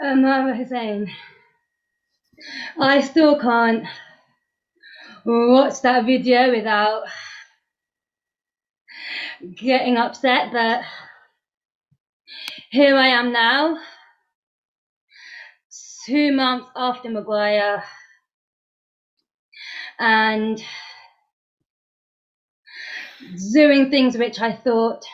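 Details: Stuttering in a woman two months after completing the McGuire Programme course; she still blocks but knows the techniques; pauses and blocks are present.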